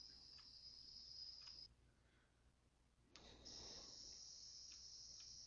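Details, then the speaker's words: A high-pitched, cricket-like chirping ring, briefly cut off and then resuming, is played in an online tinnitus evaluation tool and adjusted in volume to match the user's own tinnitus: simulated tinnitus tone. "that about matches this volume of my tinnitus is a little louder on a low right now"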